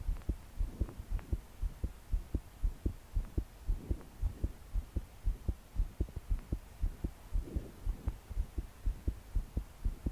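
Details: 22-year-old woman's strong, fast, regular thumping heartbeat, about 115 per minute, with soft breathing while trying to calm down to sleep; deep breaths didn't help; body shaking with each beat; heavy rain behind; forceful palpitations.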